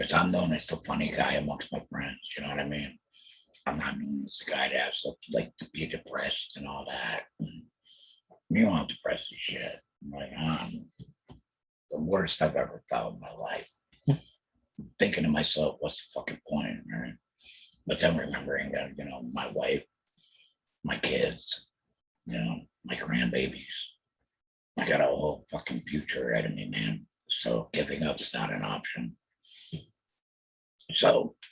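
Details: Alaryngeal speech from a laryngectomee after a total laryngectomy for throat cancer diagnosed in 2020, followed by chemotherapy and radiation.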